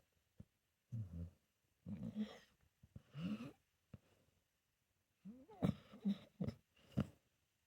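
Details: Senior pit bull mix dog snoring in his sleep, possibly dreaming: short snuffling snorts in a broken rhythm, followed by faint whimpering squeaks.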